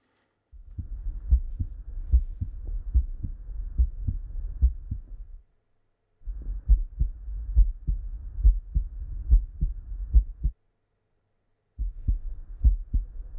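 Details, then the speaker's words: Young adult male at rest in an OSCE cardiovascular exam, stethoscope on chest with neck pulse felt: steady lub-dub at about 70-75 beats a minute, regular, S1 and S2 present with no added sounds: normal heart sounds. "his pulses were regular at 75 beats per minute on oscilation heart sounds one and two were present with no added sounds and breath sounds were normal"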